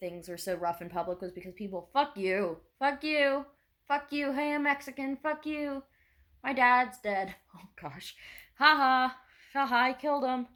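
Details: Non-binary adult with Tourette syndrome and PTSD, many tics said to be trauma-fueled, uses a service dog; burst of vocal tics with obscene, unrelated phrases mid-sentence; vocal tics with coprolalia (Tourette syndrome).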